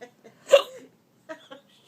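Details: Adult with hiccups while playing patty cake with a child: one abrupt, voiced catch of breath followed by soft vocal sounds; hiccup.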